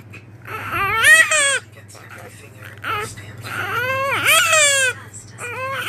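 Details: Infant granddaughter crying while looking for the breast to feed: rising and falling bursts of loud, strained crying with brief pauses; hunger cry.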